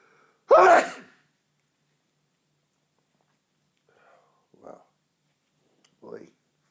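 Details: One loud explosive sneeze, then a few soft breathy sounds, from a man with a tickly nose; an ordinary sneeze.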